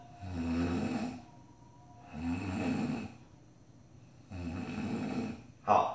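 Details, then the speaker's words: Imitated snoring in steady, evenly spaced inspiratory bursts with no long silent gaps; regular snoring like this likely means no breathing stoppage, i.e., snoring without apneic pauses. "如果打呼声是非常规律的出现的话啊，那可能没有呼吸的停止，像这个样"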